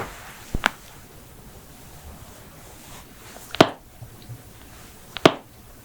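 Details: Joint cracking from a head-to-toe compilation of knuckles, backs, necks, toes, ankles, hips, wrists and jaws: three sharp brief pops a few seconds apart over quiet room noise; harmless joint cavitation.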